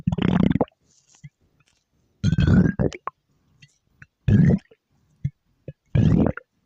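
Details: Four loud, low gurgling growls with quiet pauses between them: stomach growling (borborygmi).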